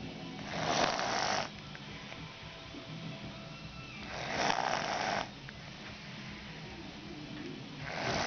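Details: Rhythmic harsh snores about every three and a half seconds, roughly 17 a minute, with quiet pauses between breaths; snoring.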